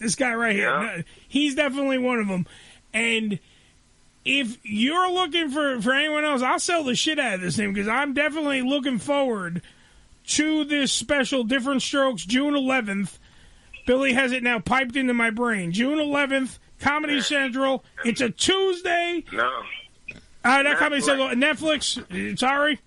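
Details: Adult male speaker; ordinary speech.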